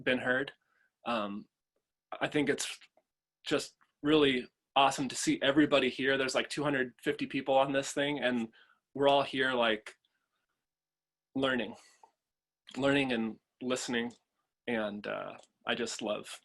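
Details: Adult father who stutters and chooses to stutter openly, speaking at a stuttering association convention; stuttering.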